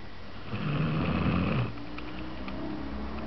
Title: snoring zzzz